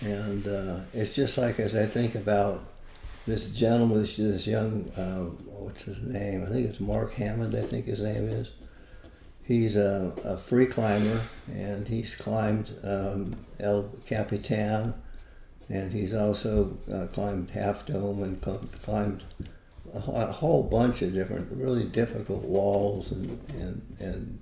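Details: Adult with Parkinson's disease, a neurodegenerative disease, for more than 20 years, with visible shakes; Parkinsonian speech (hypokinetic dysarthria).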